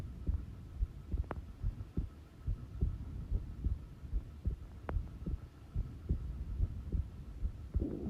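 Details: Regular low thumps at about 72 beats a minute over a faint hum: recorded normal heart sounds at rest.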